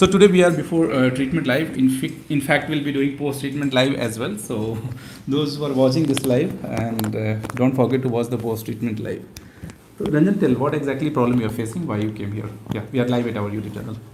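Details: Adult male speaker; normal speech.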